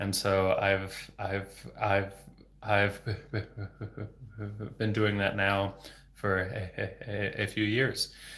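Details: Adult male speech-language pathologist who has stuttered since age 8, for 26 years, speaking without fluency techniques; stuttering with sound, word and phrase repetitions and blocks.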